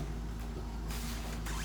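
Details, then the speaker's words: Carer CR-P5W 5-litre oxygen concentrator just plugged in and switched on, starting up before the 1–5 L/min flow valve is set: oxygen concentrator running. "พอเสียบปลั๊กเสียบปลั๊กเรียบร้อยเราก็กดสวิตซ์เปิดหน้าจอจะทำงานนะคะอันนี้ก็จะหน้าจอใหญ่นะคะเครื่องก็จะเริ่มทำงานอันนี้พอเครื่องเริ่มทำงาน"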